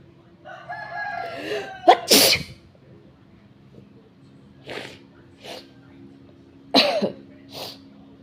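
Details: Three loud, wet sneezes: a loud explosive sneeze after a brief voiced lead-in, then softer sneeze-like bursts, rooster crowing in the background; sneezing.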